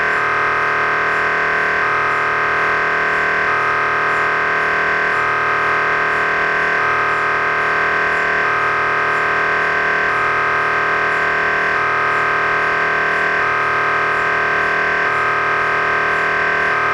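Loud, steady electronic droning tone with a repeating pulsed pattern about every one to two seconds; typical MRI scanner gradient noise.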